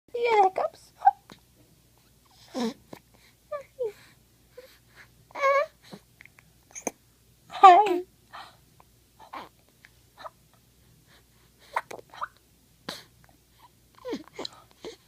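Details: Infant with hiccups: short fussy vocal bursts and sharp, abrupt catches.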